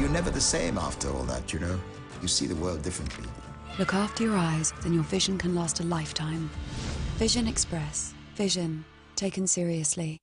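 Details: Adult male voiceover; normal speech.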